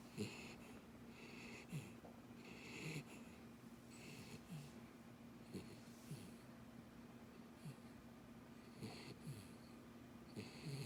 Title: Dachshund Beagle Puppy Snoring Loudly - Most Adorable and Cutest thing Ever